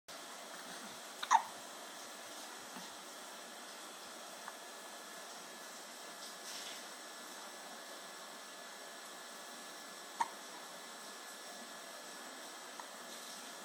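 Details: Hiccups within a deliberate yawn-to-hiccup-to-sneeze sequence: two sharp, brief gulping clicks several seconds apart in a quiet room with faint hiss.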